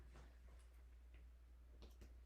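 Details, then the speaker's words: Medical assessment: soft, hollow finger-percussion taps over the lateral chest wall with right arm raised, over a low hum; resonance throughout, the normal percussion note over healthy lung fields. "so i hear resonance throughout which is what i should be hearing that's normal lung sounds for uh percussion"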